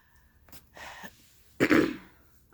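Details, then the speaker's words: Adult woman's single harsh cough after a light throat sound, while recovering from a recent illness and stitching and knitting on camera. "Almost made it through without coughing."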